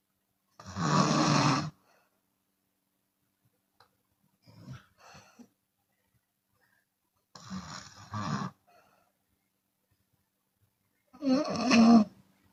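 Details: Loud, harsh snores with breathy outward puffs and silent pauses, the last rising to a groan, from a Chinese woman snoring with her mouth open.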